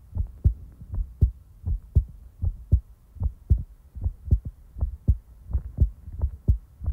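Steady paired low thumps at about 78 beats a minute with nothing between them; a normal heartbeat.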